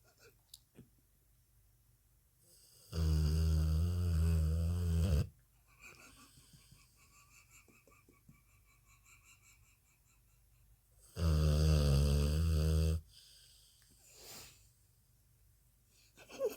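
Two loud, deep, buzzing snores about eight seconds apart, with quieter breathing between; a sleeping dog snoring loudly.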